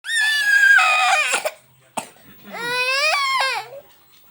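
Distressed infant crying in two bursts with a brief pause; fussy crying during a cold with fever and cough.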